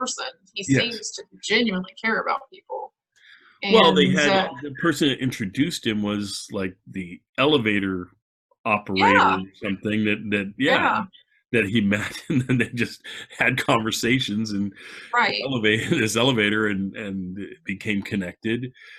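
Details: Adult man speaking; normal conversational speech.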